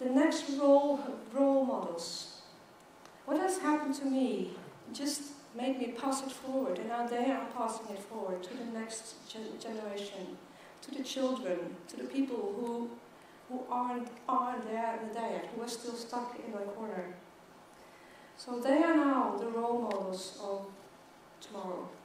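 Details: Stuttering in an adult woman who stutters, giving a keynote talk at a world congress for people who stutter.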